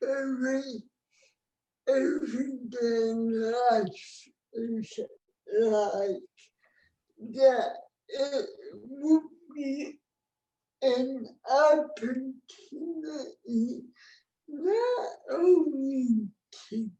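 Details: Real speech from an adult woman with cerebral palsy, a condition present since she was born before the ADA; dysarthria (cerebral palsy).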